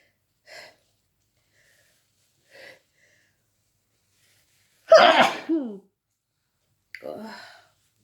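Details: Person feeling sick, woken in the middle of the night by a sneezing fit: a quick run of sneezes, two soft and two loud explosive ones; paroxysmal sneezing.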